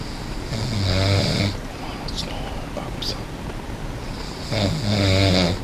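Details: Person snoring: two long, low, rattling snores with a quiet pause between them; ordinary snoring.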